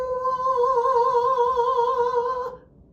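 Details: Singing voice of a 63-year-old female singer and voice teacher with dysphonia; hoarseness began around age 50, over 10 years ago. Heard after two treatments releasing prior-injury and compensatory tension on the vocal cords; improved, though a glitch remains.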